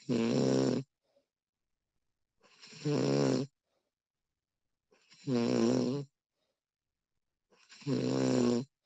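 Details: Snoring recording of a sleeping woman: four loud, buzzing, fluttering snores on breathing in, roughly 23 a minute, quiet pauses between; ordinary snoring.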